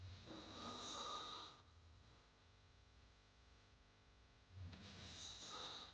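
Two long, harsh, rattling inhaled snores separated by a quiet pause; loud snoring sound effect.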